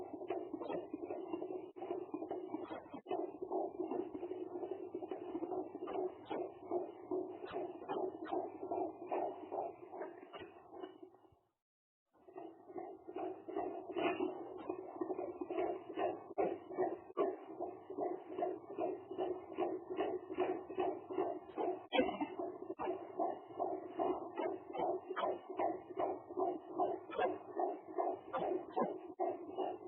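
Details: Fetal heartbeat of a baby girl recorded between weeks 20 and 30 of pregnancy: rapid, regular whooshing pulses at about 150 beats per minute, with a brief gap.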